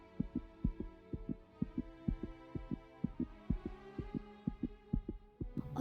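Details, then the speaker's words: Fictional voiceover scene: a character listens with a stethoscope to another's heart, narrated as fast and without rhythm; the sound effect is regular paired low thumps, about 84 a minute, under a soft musical hum. "ஒரு மாதிரி பட பட படன்னு துடிக்குது. ஒரு ரிதமே இல்ல அதுல."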